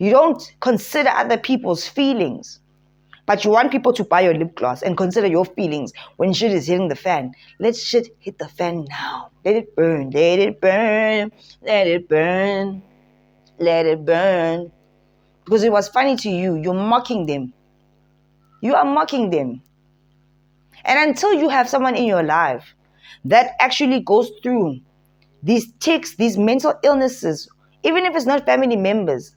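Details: Adult woman speaking; no disorder (host).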